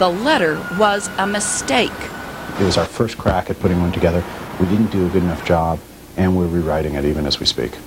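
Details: Adult male speaker; typical speech.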